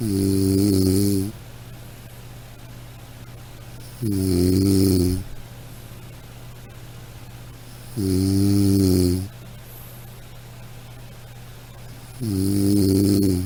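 Loud, rattling snores on each breath in, about 15 a minute, with quiet pauses between them. Steady, regular snoring.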